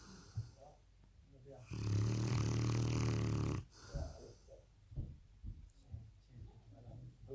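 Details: Sleeping Presa Canario puppy: one long, loud, deep rattling snore, then softer snorting breaths; loud snoring.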